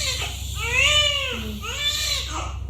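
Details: Newborn baby boy, normal delivery to a 22-year-old mother at a lying-in clinic, second baby; strong, high, rising and falling wails just after birth over steady room hum; vigorous normal first cry.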